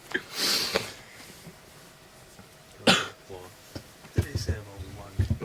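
Several short, sharp bursts, like coughs or throat clearing, separated by quiet, with faint room sounds: a few coughs.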